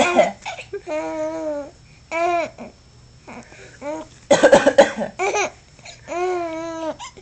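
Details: A cough.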